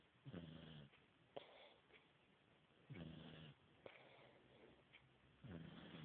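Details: Mild snoring during sleep: short, soft, snorting breaths with a light rattle, about one every two to three seconds, quiet background.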